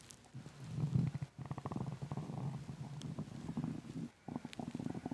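Loud, rapid rumbling and gurgling growls in long runs; intense stomach growling on an empty stomach.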